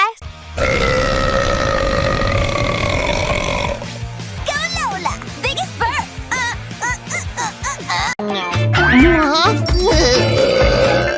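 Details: Acted burp from a female animated cartoon character in a compilation: a long, loud, drawn-out cartoon burp followed by chattering voices and music; burping.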